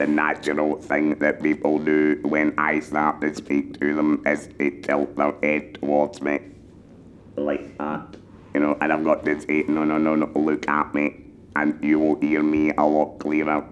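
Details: Male laryngectomy patient speaking with an electrolarynx held to the neck, experienced enough to train new users; finding: electrolaryngeal speech.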